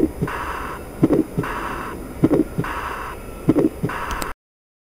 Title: Heart Sounds:Aortic Regurgitation